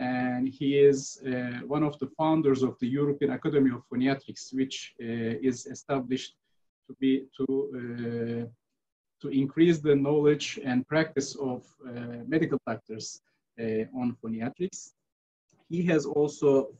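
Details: Adult male speaker; normal speech.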